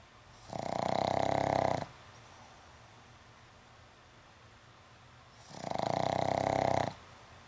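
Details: Pug dog sleeping after an afternoon at the dog park: two loud, rattling snores about five seconds apart with quiet pauses, likened to a Harley Davidson; snoring.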